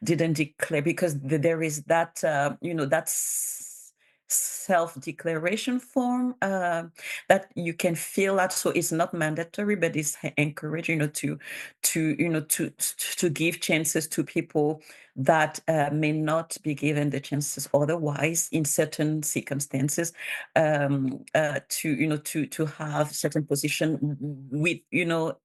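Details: Bilingual adult woman who stutters, speaking in a real conference presentation, consistent with stuttering.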